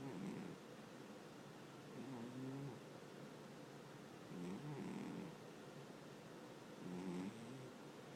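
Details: Sleeping cat snoring gently: soft, low rumbling breath sounds recurring at about 26 a minute over room noise.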